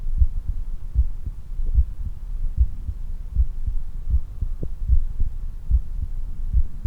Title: 運動後の心音～ Heart sound after exercise